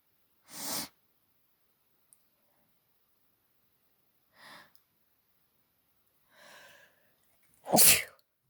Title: allergy sneeze fit with noseblow